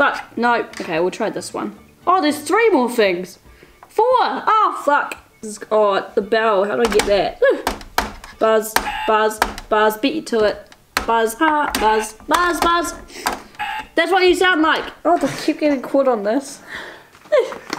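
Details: Teenager with Tourette syndrome; vocal tics with sudden outbursts and repeated words or phrases.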